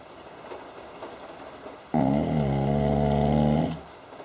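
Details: One loud, buzzing, droning snore lasting nearly two seconds after quiet breathing.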